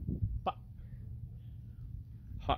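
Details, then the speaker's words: Two abrupt, hiccup-like vocal bursts a couple of seconds apart from a person with Tourette syndrome: simple vocal tics. "all right all right so I have Tourette syndrome and I can't imagine the catastrophe that I would cause at that restaurant working there"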